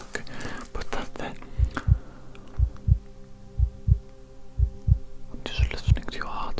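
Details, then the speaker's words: Steady paired heart thumps at about 60 beats a minute through a stethoscope on the chest, amid soft whispering and handling noise in a simulated ASMR ENT doctor role-play; described as strong heart, excellent rhythm. "of course I'm going to be listening to your heartbeat and I'm also going to be listening to your lungs okay"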